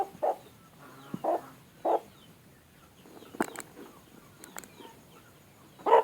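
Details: A chicken with a runny nose that the owner says is snot (coryza) makes short rattling, snore-like noises with each breath over faint rural background. It is also sneezing; noisy respiration.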